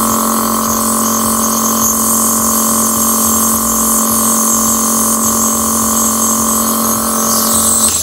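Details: ABN CN-09 compressor nebulizer being tried with an adult-size mask, later a mouthpiece: steady loud motor hum and buzz running without pause; compressor nebulizer running.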